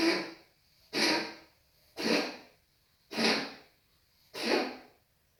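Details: Five harsh, forceful cough bursts, about one per second, from an animal named Patches in a quiet room.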